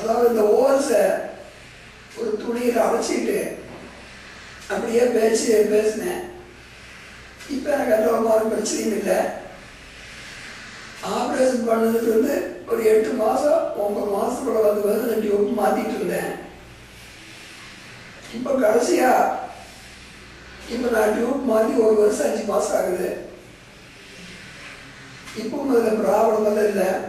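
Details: Man after laryngectomy speaking with a Blom-Singer voice prosthesis (speech valve), reciting months and days of the week; tracheoesophageal speech after laryngectomy.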